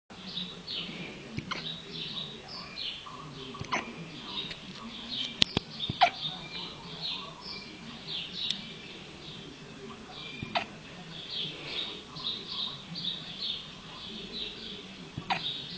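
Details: Athos, a small animal, hiccuping while sleeping: soft, high, squeaky catches repeated against quiet room noise; hiccups.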